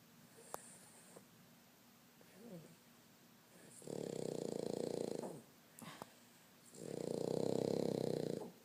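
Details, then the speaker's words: Sleeping pug snoring heavily: two long buzzing, vibrating snores with faint snuffles and a few clicks between them. "Oscar. Oscar. What are you doing, buddy? What are you doing? You're snoring."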